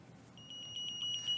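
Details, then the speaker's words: Snuza Hero infant breathing monitor alarm in a demonstration: after 15 seconds without sensed movement it vibrates, then after 5 more seconds sounds high-pitched repeated beeping meant to wake the baby and alert parents. "there that's the alarm that's going to alert probably wake up the baby also wake up you"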